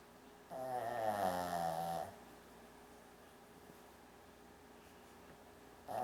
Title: Brandi the Funny Shih Tzu Dog Snores Like A Person